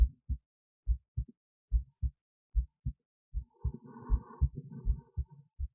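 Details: Own heartbeat recorded with an esophageal stethoscope resting in the esophagus near the heart, alongside an EKG: regular low lub-dub pairs at about 75 a minute, with some rustling midway; normal heart sounds.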